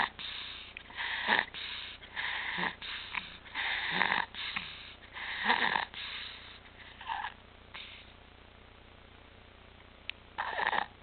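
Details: Stridor in an infant with returned apnea, stridor and retractions, back on apnea and pulse oximetry monitors: rapid, harsh breaths at about 39/min, each with a rough high-pitched edge and a short quieter stretch near the end.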